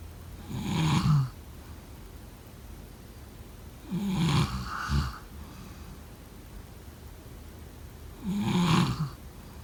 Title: #snoring #snoringsleepingsoundeffect #sleepsounds #snoringsounds #snoringasmr